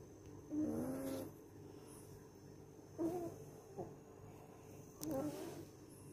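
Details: French bulldog snoring during sleep: quiet, rough snores recurring about every two seconds over low room noise.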